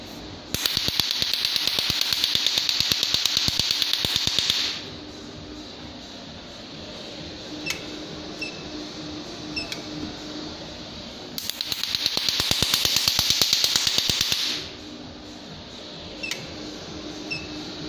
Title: NdYag Laser Tattoo Removal System PL532A